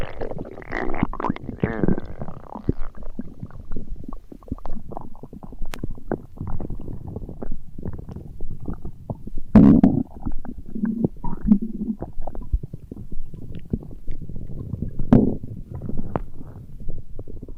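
Long, gurgling, rumbling bowel sounds with squeaky bubbling bursts; ordinary stomach growling.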